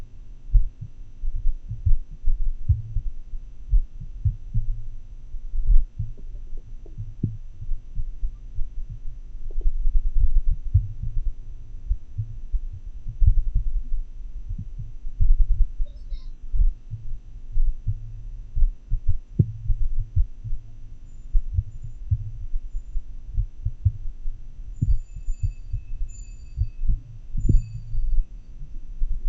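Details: Heart sounds recorded during an atrial fibrillation episode with a homemade funnel transducer and desktop microphone: muffled thumps at uneven, unpredictable intervals, irregularly irregular rhythm; atrial fibrillation.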